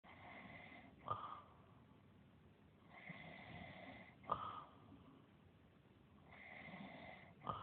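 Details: Rhythmic snoring with rasping breaths in and whistling breaths out, about 20 a minute, from the cartoon character John the Carpenter; a cartoon snore effect, snoring.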